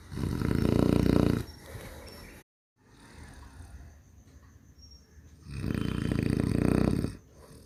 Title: மனிதனின் குறட்டை ஒலி | குறட்டை சத்தம் | Snoring sound